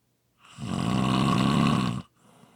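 A single loud, rough, rattling snore on an in-breath lasting about one and a half seconds, then quiet; ordinary snoring.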